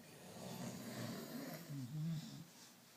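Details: In a family snoring contest including a dad, a low, rough, rattling breath sound rises and fades over a couple of seconds: snoring.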